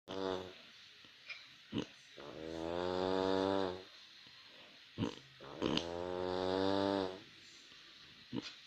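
Long, buzzing, rattling breaths in, each about one and a half seconds, with quiet breaths out, about 18 a minute; snoring.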